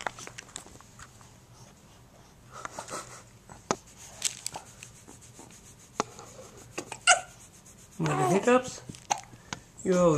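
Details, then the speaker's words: Hiccups recorded on a playmat during play time with a Flip Video camcorder. "the hiccups so cute"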